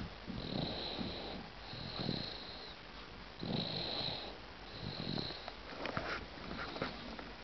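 Repeated noisy, rough breathing with a whistly edge from a sleeping baby, about one snore every 1.5 seconds; infant snoring.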